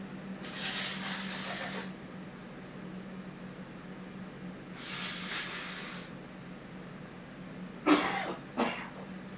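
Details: A cough from an adult gamer who says their head feels like a balloon during a livestream.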